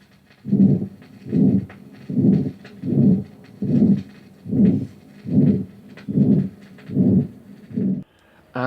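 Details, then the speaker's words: Ventricular septal defect, a congenital cardiac defect, recorded at the left fourth intercostal space beside the sternum from a vinyl heart-sounds record: regular cycles about 75 per minute, heart sounds drowned in a loud rough systolic murmur. "Interventricular septal defect recorded in the fourth intercostal space on the left side of the sternum. The heart sounds are drowned in a rough systolic murmur."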